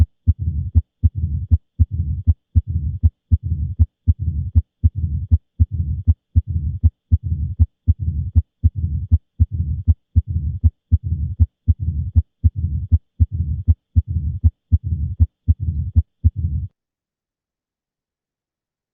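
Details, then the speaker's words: Pure mitral stenosis in sinus rhythm, described as the classic Duroziez rhythm: regular low-pitched heartbeat about 79 a minute with loud first sound, opening snap and low diastolic rumble. "Vamos a escuchar el ritmo de duros no entonces aquí está s1 s2 y vamos a ver este retumbo o sopló de asó elal el famosísimo este rustat a d si parece rata o no lo escuchan sí"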